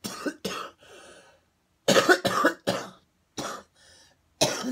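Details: Bouts of harsh, explosive coughing, about seven bursts with short raspy breaths between them, from an adult recording a morning video; repeated dry coughing.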